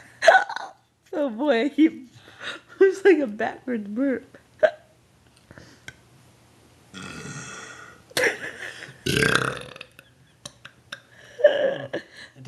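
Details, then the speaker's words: Several voiced belches mixed with gulped air and brief vocal noises from a man encouraged to keep burping after eating pizza; repeated burping. "You want to try for one more burp and then I'll turn it off?"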